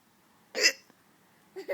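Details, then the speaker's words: Adult woman (mother) hiccuping while her baby laughs: a sharp, brief hiccup with a sudden catch of breath, followed by a short voiced sound. "You like my hiccups? I can't control it."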